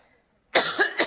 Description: This clip, from the Makers Conference earlier this year, features coughing her way through a live speech.